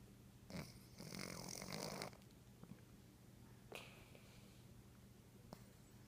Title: My Cat Romeo Snoring Part 3